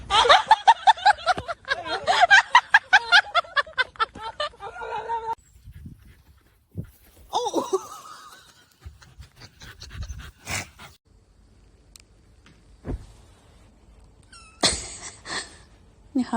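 Rapid rhythmic panting breaths, about 150 a minute, followed by scattered quieter sounds; fast open-mouth breathing in a dog.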